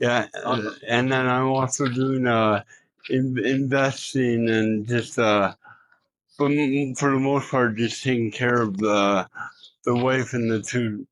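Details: Adult man, a former Olympian, living with cerebral palsy, interviewed on the street; dysarthric speech (cerebral palsy).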